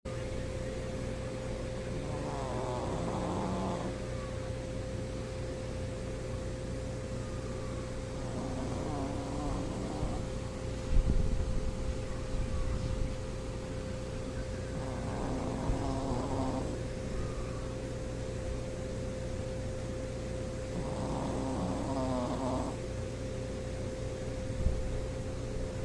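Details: Snoring Shih Tzu dog: slow, regular, rattling snore bursts at about ten breaths a minute over a steady hum.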